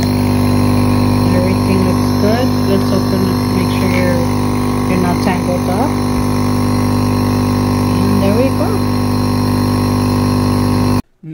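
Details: Portable desktop compressor nebulizer for asthma running with saline and face mask fitted, demonstration for home use; steady low mechanical motor hum with faint voices in the background.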